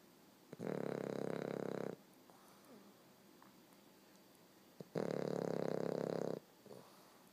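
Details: American Bulldog puppy, 13 weeks old, asleep and snoring: two long, loud, rattling snores, each over a second long, with quiet pauses between.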